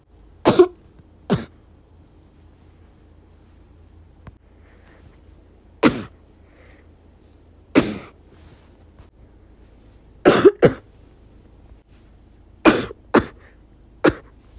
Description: I had to keep quiet. But the terrible coughing wouldn't stop. I tried to suppress the sound by coughing with my clothes.